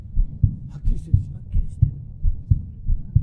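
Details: Japanese woman's heartbeat on a TV show: steady, paired, low heart thumps at about 86 beats a minute, with a regular, strong-sounding rhythm, described as strong and clean; a normal heartbeat.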